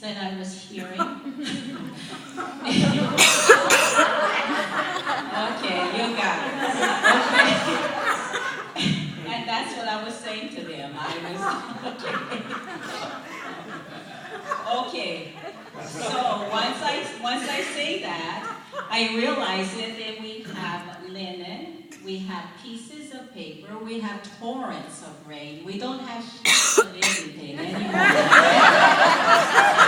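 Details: Adult woman with foreign accent syndrome of sudden onset after a night episode resembling a heart attack or stroke in November 2004, following six months of speech therapy; a relative mistook her for Jamaican; reading scripture; foreign accent syndrome.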